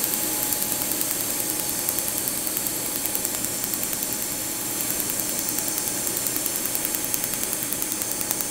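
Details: Laser tattoo removal on the upper back, removing a scripted name tattoo: rapid regular snapping pulses, about 150 a minute, over a loud steady hiss as the tattoo-removal laser fires.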